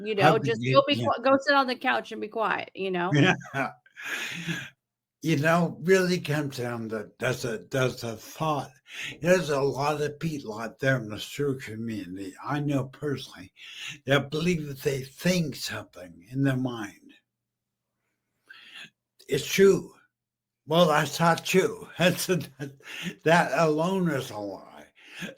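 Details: Adult male stroke survivor about 15 years after stroke and brain injury, half paralysed and using a wheelchair, previously mute, with an ongoing speech deficit; aphasia after stroke.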